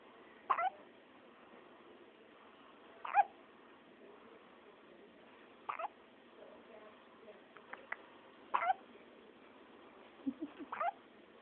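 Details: Short, abrupt catching sounds repeating every few seconds, about five in ten seconds; hiccups, possibly in a dog.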